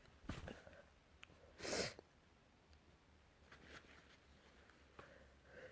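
A single loud, sharp sneeze burst with a few soft sniffs before and after in a quiet room.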